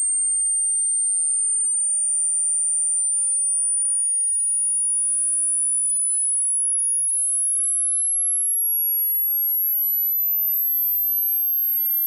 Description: Check from the lowest to highest frequency voices till where you can hear